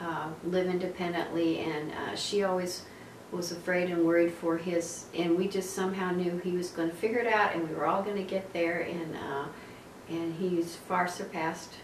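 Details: Adult woman speaking; normal speech.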